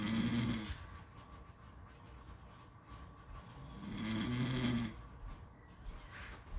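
Two low, rattling snores on breathing in, with steady background noise resembling surf or wind.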